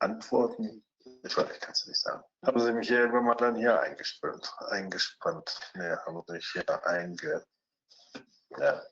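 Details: Fluent (Wernicke-type) aphasia in a 49-year-old speaking German, two days after sudden isolated aphasia from left internal carotid artery dissection; posterior superior temporal lesion; impaired spontaneous speech, repetition, naming and comprehension.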